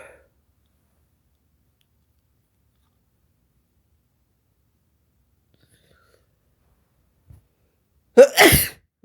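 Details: Sneeze deliberately induced with black pepper: a quiet room, then a single forceful sneeze with a quick inbreath and explosive release.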